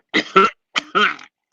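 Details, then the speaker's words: Two pairs of short, dry cough bursts from an adult man who says he developed a dry cough since wearing a mask; dry cough. "I got this dry cough and stuff, man. Ever since I've been wearing a mask, I developed a dry cough."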